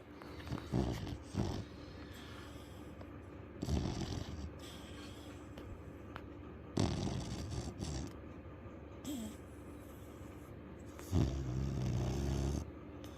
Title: Dog snoring again and he is soooo loud!